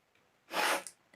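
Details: One short explosive sneeze in a quiet room, deliberately triggered by tickling the nose with a toothpick.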